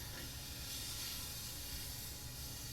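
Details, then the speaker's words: Sterile open endotracheal suctioning demonstrated on a simulated ventilated adult male on 100% oxygen, disconnected from ventilator: steady hissing suction as catheter is advanced down the endotracheal tube until it stops and pulled back, clearing secretions. "okay sir going to disconnect you from the ventilator and you're can suck all those secretions out of your uh breathing tube again disconnect them take the suction catheter down the end of trill tube Advance it till it stops pull back by"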